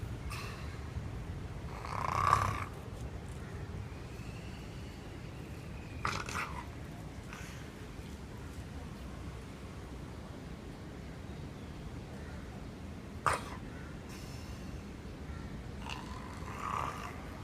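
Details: Noseless German Shepherd, nose bitten off by a leopard, breathing only through the mouth, snoring (20 July 2015): soft irregular snorting snores while asleep, a few louder snorts.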